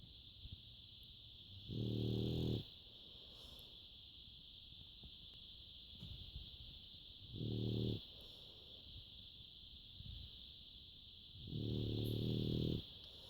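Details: Three loud, low rumbling snores about every five seconds, roughly 12 breaths a minute, over a steady high room hum; a sleeping animal snoring loudly.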